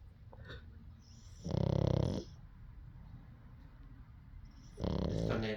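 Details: Boston Terrier sleeping with eyes open: loud rattling, fluttering snores on inhalation with quieter gaps between.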